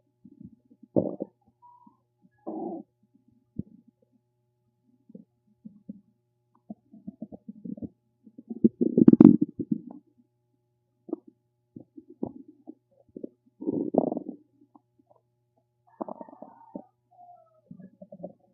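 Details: Irregular gurgling and rumbling bursts from the belly, some long and bubbly, from gas and fluid moving through the gut; ordinary stomach rumbling (borborygmi).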